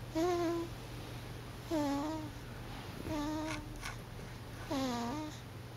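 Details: Four drawn-out, whistling squeaky breaths about 1.5 seconds apart over a steady hum, from a sleeping pet snoring.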